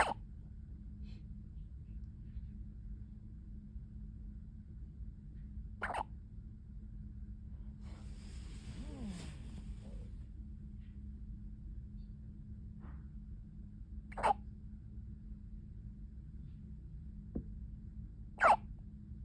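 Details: Faint, sharp hiccups recur at irregular intervals, a few in under twenty seconds, over a steady background hum, from a newborn preemie at 36 weeks; newborn hiccups.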